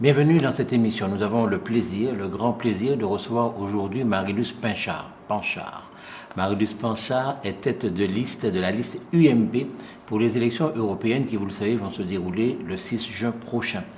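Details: Adult male speaker; normal speech.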